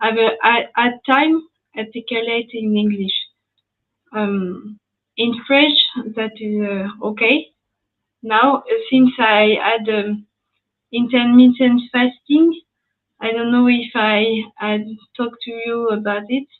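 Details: Woman with post-stroke aphasia after an ischemic stroke at age 22 in July 2011; she was mute for 10 days, spent a year in a rehabilitation centre, then spoke very badly even in her native French; lasting language difficulty.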